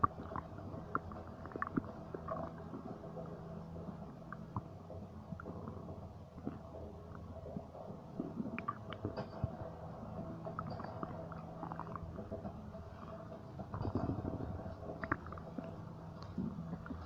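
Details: Low gurgling and rumbling abdominal noises with scattered clicks, consistent with ordinary bowel sounds (borborygmi, stomach noises).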